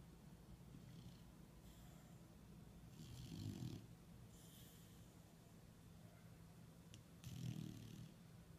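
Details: Dog snoring in sleep, described as a loud snorer: soft, low, fluttering snores with each breath and quiet whistling exhales between, over low room hum.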